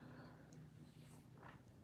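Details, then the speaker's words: Dog with closed, narrowed nostrils (stenotic nares) snoring: low, rattling snore-like breathing. "she has closed nostrils so that's why she snores like that"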